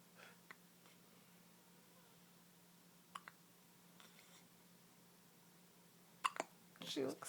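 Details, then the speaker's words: A baby girl with hiccups: several brief, sharp gulping catches over quiet room hum, with a soft fussy sound at the end. "It's because she hates the hiccups you gave her. I thought they were done. They're getting harder."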